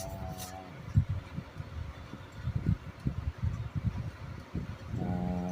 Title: Pug reminds me of some X's with the snoring